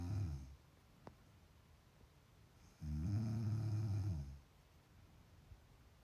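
Deep, low rumbling snores on inhalation, separated by quiet breathing pauses.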